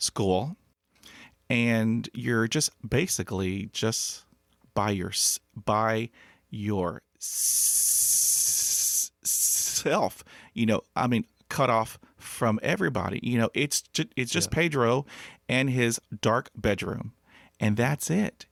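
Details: Man who has stuttered since childhood, when he could not talk at school; stuttering.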